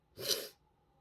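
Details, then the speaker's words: Adult on day 4 of COVID-19 quarantine who reports sneezing a lot and right-sided facial tightness: a single sharp, hissing sneeze, a sudden forceful burst of air under half a second in a quiet room. "i'm sneezing a lot"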